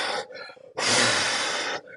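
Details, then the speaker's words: Imitated pursed-lip breathing demonstrated in an EMT respiratory emergencies lecture: quick gasp in, then long forceful hissing exhalation through pursed lips, as a breathless person does to raise pressure in the lungs. "right you'll purse your lips to create a positive pressure right so there's this thing called peep right positive expiratory in pressure and so you will physiologically purse your lips to increase the pressure within your lungs"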